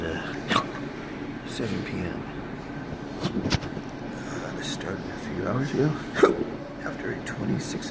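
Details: Intractable hiccups persisting since December 2015, recorded in January while awaiting a 24-hour pH manometry test. Repeated sharp, involuntary hiccup sounds against room noise.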